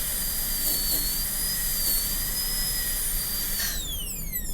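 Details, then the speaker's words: Steady high-pitched whine of a high-speed dental drill, winding down at the end, cutting along the central groove from the mesial to include the distal pit in a Class II MO preparation on lower tooth 30 of a typodont, demonstration. "So now I've cut through the central groove and included the distal pit, and included some of that distal groove."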